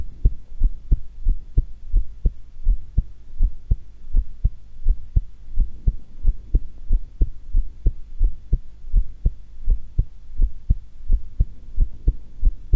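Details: Normal heart sounds recorded during a voluntary breath-hold at calm rest, not excited: steady regular thumps at about 90 per minute.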